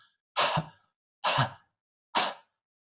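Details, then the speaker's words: Three soft, breathy open-glottis huffs, evenly spaced about a second apart, without a harsh hacking onset, demonstrated by a chest physician as part of the active cycle of breathing technique: controlled cough (huff). "control cough chondrocov is actually a gentle cough with open glottis so it should sound like this you know i mean so you don't get this sound of a hacking cough you try not to have a hacking cough you have a gentle cough with that kind of sound all right open your glottis"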